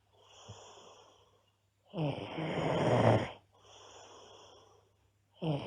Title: Loud Snoring Girl